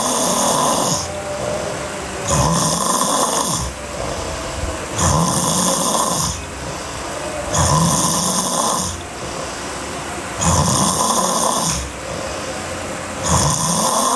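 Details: Sleeping girl, hard snoring: loud, harsh snoring on every breath in, about 22 breaths a minute, steady rhythm; heavy snoring.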